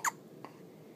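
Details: Newborn boy, two days old, still in hospital, awake: a single sharp, abrupt catching sound followed by a faint second click in a quiet room; hiccup.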